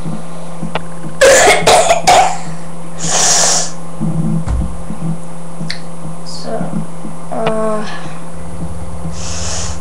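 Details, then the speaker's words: Adult with a bad common cold that began two days ago: a few harsh coughs and throat clearing, with some room noise. Cough with common cold. "it's really bad cold I got it two days ago it's horrible"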